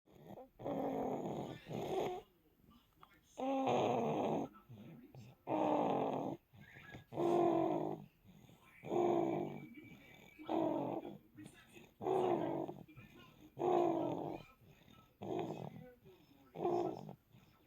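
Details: Infant less than a month old asleep on mother's chest, with rhythmic, gentle voiced snoring on each breath, about 37 per minute, in a quiet room.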